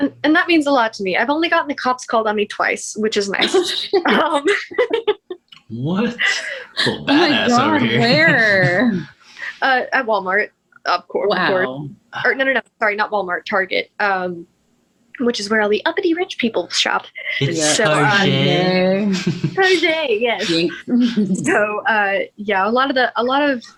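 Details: Tourette syndrome vocal tics in a woman with vocal and motor tics; vocal tics include "wow" interjections, swearing and echolalia, worse with anxiety and tiredness.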